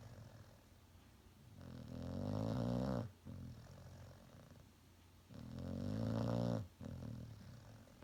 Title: Snoring Dog